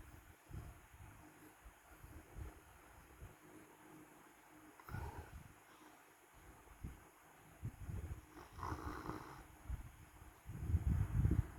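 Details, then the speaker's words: Dog snoring very loudly while asleep, with deep, rumbling snores at irregular intervals that grow louder toward the end; heavy snoring. "You snore. Precious. You snore so loud. Lakas mo humilik."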